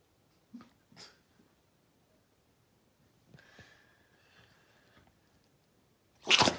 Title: Sneezing Chihuahua